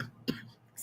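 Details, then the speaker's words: Adult coughing during a spoken conversation; the person coughing says the cough sounds awful. "I know that cough sounds awful. I'm so sorry. Y'all have to hear it."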